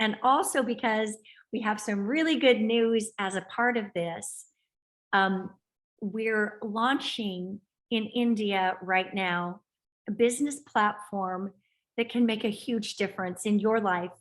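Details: Adult woman speaking; normal fluent speech.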